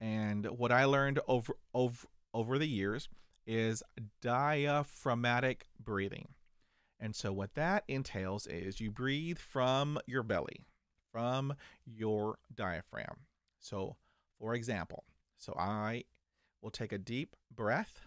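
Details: 49-year-old man who stutters and still has blocks, managing it with diaphragmatic breathing, meditation, daily reading aloud and mirror practice; stuttering.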